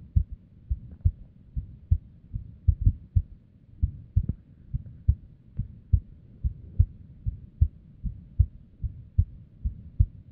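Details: Female unstable resting heartbeat: low thumps with uneven spacing, some early or doubled beats; irregular heartbeat.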